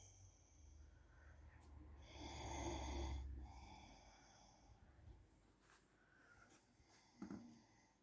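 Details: Mother snoring in her sleep: loud rumbling snore with hissing, whistling out-breath, then quieter breathing and a short snort.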